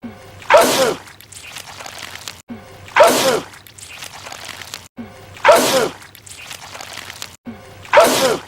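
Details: Cartoon character sneezing purple goo over and over: a sneeze repeated four times at a steady pace, each a sharp rising intake, then an explosive burst.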